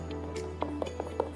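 Fast, galloping whooshing pulses over a steady electronic hum: a normal fetal heartbeat picked up by Doppler.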